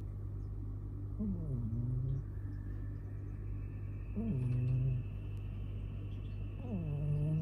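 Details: Three loud, low rumbling snores about every three seconds, each starting with a rising squeak, over a steady low hum, from an adult male cat asleep after tiring himself out playing; snoring.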